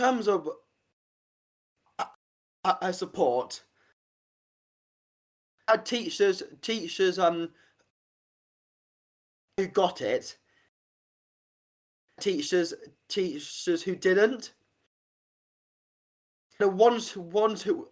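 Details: Adult man, stammer since about age five; stuttering.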